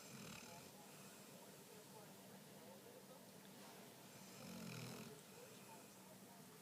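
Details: Soft, low snoring breaths over steady background noise, with one louder snort-like breath near the end; snoring.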